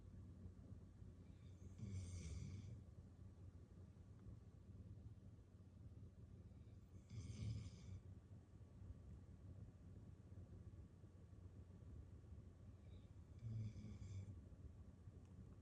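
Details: Dog in deep sleep after an active daycare day, curled in an armchair with her head on a pillow and twitching while dreaming: soft, low, rumbling snores with faint hissing, about three in fifteen seconds; snoring.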